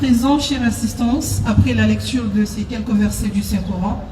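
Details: Adult speaker; normal voice.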